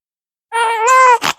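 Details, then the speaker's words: Six-week-old newborn girl, briefly uncomfortable, gives one short, clear, tonal whimper-cry ending in a breathy catch while her mother comforts her; a normal infant fussing cry. "Oh what's the matter what's the matter baby oh you were uncomfortable for a second huh"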